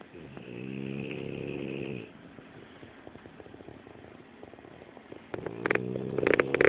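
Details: French Bulldog snoring loudly enough to keep the owners awake: a loud, droning snore on one breath, then a quieter snuffly stretch before the next loud snore.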